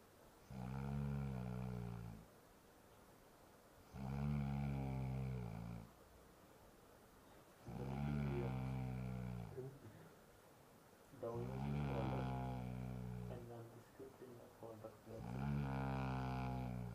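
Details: Sleeping man snoring: steady, deep, buzzing snores on each breath, about 17 a minute, with soft breathing between them.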